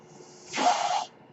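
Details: Speaker's own mechanical ventilator heard while he talks on a podcast: a soft, airy hiss rises and fades over about half a second against quiet room noise, a single ventilator breath delivery.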